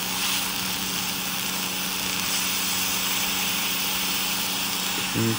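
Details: Waterlase dental laser with water spray during laser-assisted non-surgical periodontal treatment, gingivectomy of the maxillary right quadrant: loud steady hiss of water spray with a constant low hum as it carves gum tissue.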